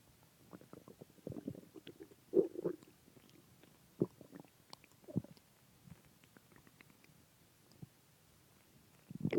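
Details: Irregular gurgling, rumbling stomach growling (borborygmi) with quiet gaps between bursts, heard after eating a large pizza and two ice creams.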